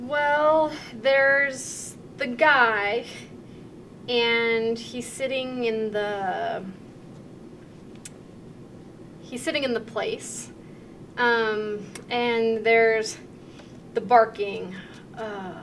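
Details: Demonstration of anomic aphasia, an acquired, mild, fluent aphasia, during a picture description task, with word-finding errors, filler words and talking around the word, comprehension relatively intact; anomic aphasia.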